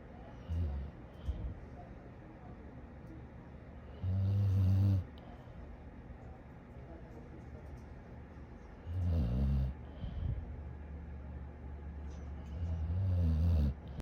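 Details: Sleeping dog snoring: deep, loud, fluttering snores recur every four to five seconds over a low background hum.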